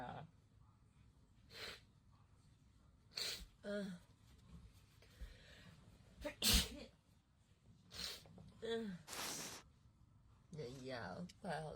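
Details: Compilation of girls undergoing COVID-19 nasal swab tests: several sharp sneezes with brief gasps between them, with talk and laughter nearby; sneezing set off by the nasal swab.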